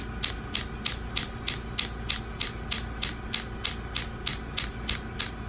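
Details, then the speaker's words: Radial shockwave therapy device treating heel pain: steady sharp clicking pulses about 190 a minute, just before the pulse frequency is increased. "I'm gonna increase the frequency a little bit more [Music] does everyone can can hear now the frequency of the pulse is a little bit faster"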